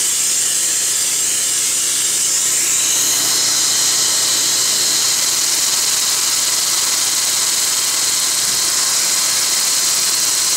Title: Laser Assisted Root Canal on Upper Bicuspid #12